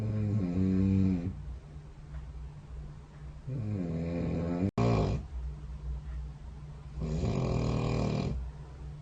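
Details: Overnight sleep snoring recorded by a SnoreLab phone app running beside the bed: loud vibrating snores on breaths in, about three in nine seconds, over steady low room hum.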